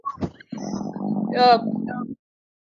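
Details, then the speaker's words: Brief gurgle, then a sustained, pitched rumbling growl heard during a livestream conversation; the person says it was their stomach: stomach growling (borborygmi). ">> what was that noise >> I think that was my stomach Look, did you hear that? I'm so sorry."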